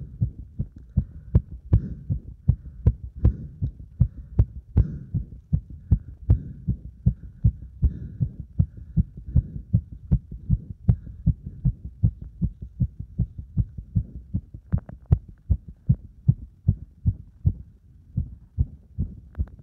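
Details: Heart sounds after burpees followed by deep squats: fast, strong, regular thumps, a normal rise in heart rate with exertion.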